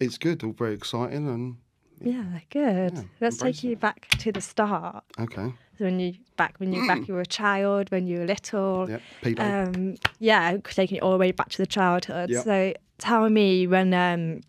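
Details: Adult female speaker; normal speech.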